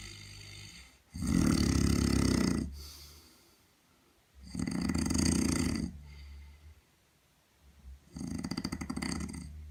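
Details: Snoring by another sleeper on a typical night on the Camino: three loud, harsh, rattling snores about every 3.5 seconds, roughly 17 breaths a minute, with quieter breaths out between them.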